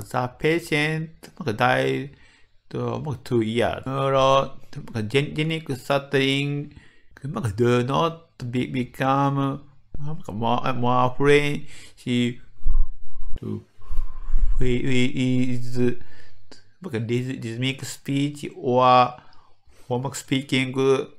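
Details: Medical doctor in Japan with developmental (childhood-onset) stuttering, giving a conference talk; word repetitions audible in the greeting; stuttering.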